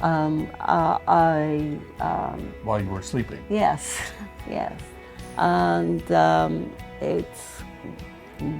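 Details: Retired adult woman with expressive aphasia after an ischemic stroke in March 2023, with right arm and leg weakness, in post-acute rehabilitation; expressive aphasia.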